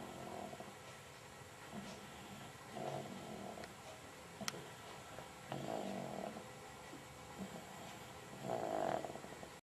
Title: 20071222 snoring